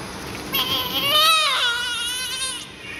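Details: Strong, clear, high-pitched wail rising and falling: the normal vigorous cry of a newborn described as fit and healthy.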